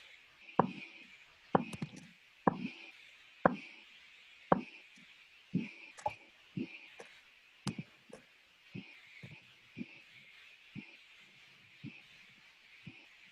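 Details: Korotkoff sounds heard through a stethoscope over the brachial artery during blood pressure measurement as the cuff deflates from above systolic: regular tapping pulse sounds, loud at first then fading; first sound marks systolic pressure.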